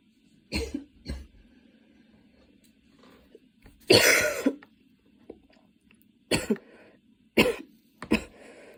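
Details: Coughing fit that came on while studying and worsened until studying stopped, changing positions for comfort: repeated harsh coughs with throat clearing and a longer rasping cough in the middle, in a quiet room.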